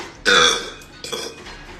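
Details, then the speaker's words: Two loud, rough belches in quick succession, the first long and the second shorter, after drinking a very carbonated soda the drinker says hurts and is rarely drunk; burping. "yeah that that kind of hurts drinking it not my I don't drink soda that often"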